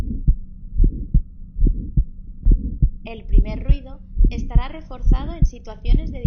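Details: Ejection click.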